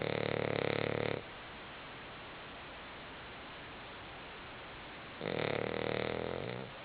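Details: A sleeping pet on a couch gives two loud, buzzing snores about four seconds apart with quiet pauses between; snoring.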